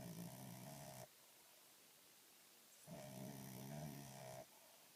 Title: Snoring dog